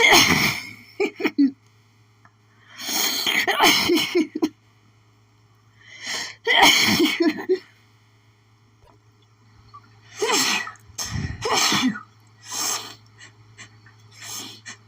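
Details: Adult with an itchy, pollen-triggered sneezing fit: repeated loud sneezes with gasping in-breaths between them over about fifteen seconds, strong enough to cause doubling over; steady low hum in background.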